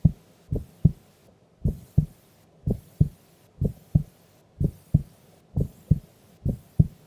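Steady paired lub-dub heart sounds at about 60 beats a minute, regular and even; a calm resting heartbeat during sleep.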